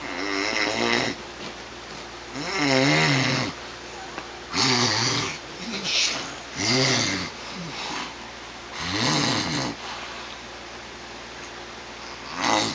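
Loud, harsh rattling snores on each breath, about six in the clip, with quieter out-breaths between; typical heavy snoring.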